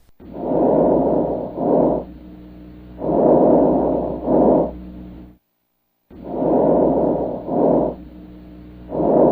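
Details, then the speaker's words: Teaching recording of diminished vesicular breath sounds, an abnormal finding: soft, short breath cycles, shorter inspiration and expiration than normal, seeming more labored, with no wheeze. "they basically sounded the same didn't they but the second sound was shorter there was no wheezing or anything like that but it seemed more labored"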